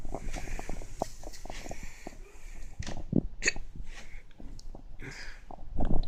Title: Hiccups again